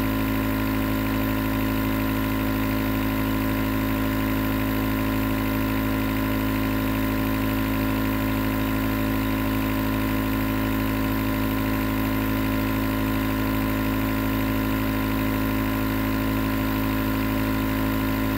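Steady, unbroken mechanical hum with a faint rhythmic pulsing, the sound of a nebulizer compressor running continuously.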